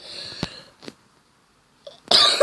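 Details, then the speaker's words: Child who says they have been coughing a lot: a few sharp, breathy cough bursts ending in a loud harsh exhalation; repeated coughing. "Sorry, cough again. I've been coughing quite a lot. I've had to pause this video a lot."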